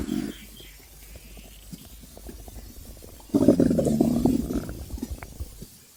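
Low gurgling and rumbling from the belly, rising into a louder bubbling growl midway; ordinary hunger stomach sounds.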